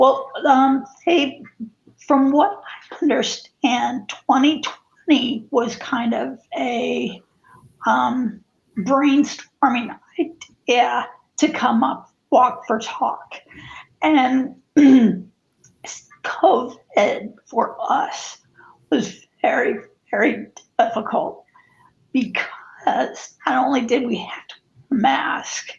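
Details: Spasmodic dysphonia in an adult woman who also has cervical dystonia affecting head and neck positioning; the disorder began affecting her life in 2017.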